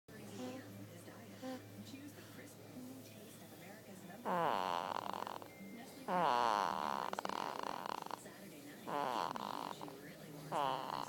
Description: Baby is snoring during a nap